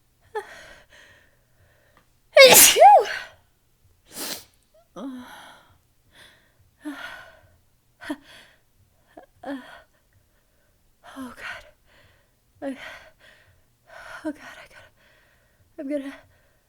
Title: Late night sneezes with teasing buildup! (f)